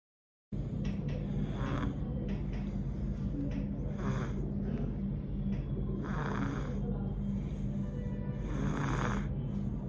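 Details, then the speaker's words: Child with acute viral coryza: low-pitched, rattling, snore-like noise on each inspiration from nasal secretions (conducted sounds): stertor. "the low pitched to noisy breathing that arises as a result of secretions in the nose is called as stutter for a pediatric pulmonologist but for a common pediatrician nothing but conducted sounds occurs as a results of acute viral corisa listen to this sound"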